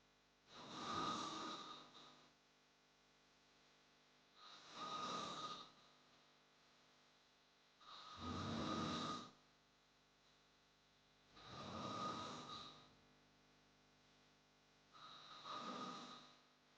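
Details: Snoring sound-effect recording: loud, rough snores at about 18 a minute, each a rattling inward breath separated by quiet pauses.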